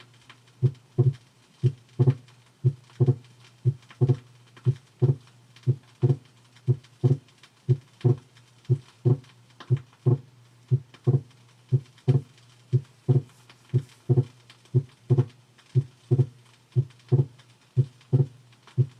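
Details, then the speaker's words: Heart sounds from a 1968 teaching record in right bundle branch block: regular rhythm about 59 a minute with slowed respiration, second sound split on expiration, widening further on inspiration. "note in this demonstration where the respiration is somewhat slowed but there is splitting an expiration which becomes more marked with inspiration"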